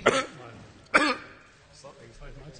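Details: Two sharp, harsh coughs about a second apart, followed by quiet throaty voicing, in an adult man's coughing fit that halted a speech; he later tested negative for coronavirus.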